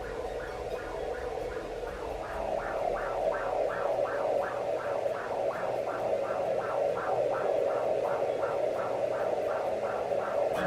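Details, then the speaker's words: Home fetal Doppler (Sonoline B) on a pregnant belly: rhythmic whooshing pulses over steady static, which is the placenta's blood flow and not the baby's heartbeat. "That whooshing sound is your placenta. So if you do hear that, no, that is not your baby's heartbeat."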